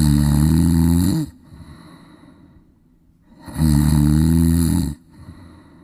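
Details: Sleeping Golden Retriever dog: two loud, rumbling snores about two and a half seconds apart, each with a buzzing vibration, separated by quiet breathing; ordinary snoring.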